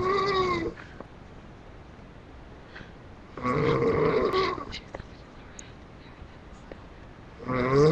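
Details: Loud, rattling snores about every four seconds, roughly 15 breaths a minute, with quiet gaps between, recorded on a webcam at night; ordinary snoring during sleep.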